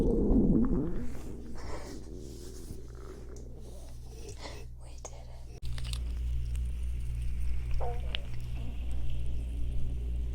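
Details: Stomach growling (borborygmi).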